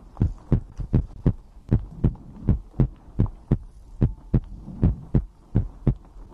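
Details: ASMR recording of the creator's own heartbeat with breathing, from a livestream compilation: steady low thumping paired lub-dub beats at roughly 75 a minute with a soft background hum; normal heartbeat.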